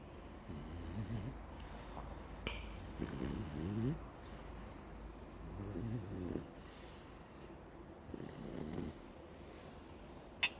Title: Ruby snores when she is happy lol